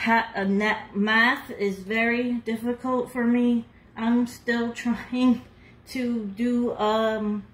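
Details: Adult woman about two years after a hemorrhagic stroke, with seven brain surgeries and one more planned, still numb, unable to talk at all a year earlier and working on speech recovery; aphasia after stroke.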